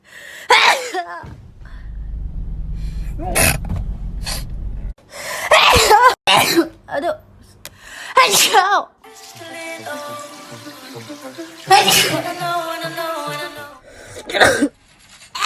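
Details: Several sharp sneezes from a young Asian woman, some with a quick breath beforehand, over soft background music.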